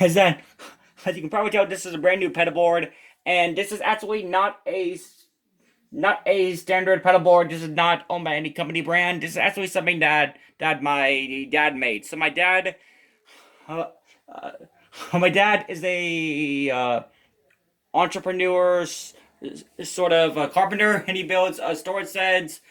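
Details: Male guitarist who says he has a stutter, presenting his pedalboard; stuttering.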